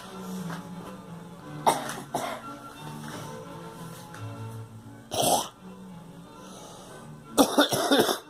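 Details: Several short, harsh coughs from a girl in small clusters, some with a throat-clearing quality, over steady background music.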